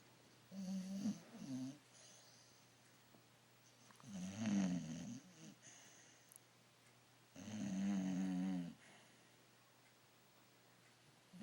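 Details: Bulldog snoring during an afternoon nap: three rough, fluttering snores about one every three to four seconds in a quiet room.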